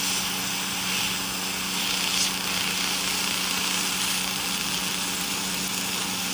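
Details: Waterlase water-cooled dental laser trimming gum tissue (gingivectomy) on the buccal side of the maxillary right quadrant during non-surgical laser-assisted periodontal treatment after debridement; continuous airy hiss with low steady hum and faint snapping.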